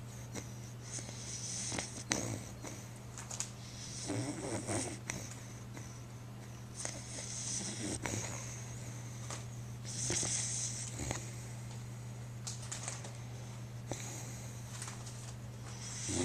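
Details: Sleeping puppy, apparently dreaming: slow, irregular snoring with snorting breaths, about ten a minute, over a steady background hum; ordinary snoring in sleep.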